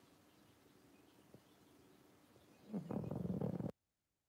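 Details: A pug sleeping on a sofa in a red sweater after a long day gives about a second of rough, low, fluttering breath noise in a quiet room; snoring.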